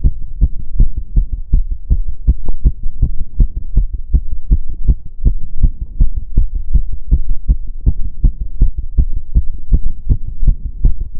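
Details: Own heart sounds during step-up exercise: rapid regular heartbeat about 160 per minute; exercise tachycardia.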